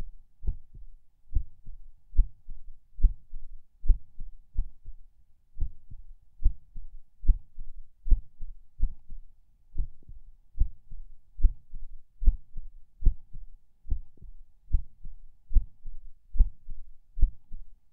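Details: Person lying in bed falling asleep: low heartbeat about 72/min, mostly regular with occasional soft beats breaking the rhythm (person unsure if these skips are PACs); a distinct split S2 is also present in this recording.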